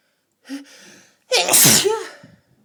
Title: A sneeze attacked